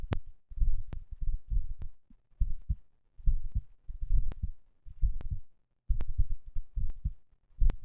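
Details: Regular paired low heart thumps at about 70 beats per minute with occasional sharp clicks, recorded after exercise (third post-exercise recording); normal heart sounds.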